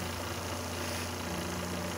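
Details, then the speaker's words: Stratus OTS-5 oxygen concentrator running at full operation after its faulty compressor was replaced (fault: abnormal pressure), with the cooling fan adapted. The compressor is rated 120 V, 60 Hz, 3 A. "y miren que ya pues tenemos el equipo trabajando Al 100% cambiando el elemento dañado que es este compresor"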